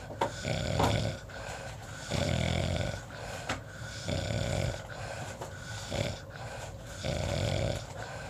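Loud, rough, rattling breaths repeating about every 1.5 seconds over steady background noise; snoring.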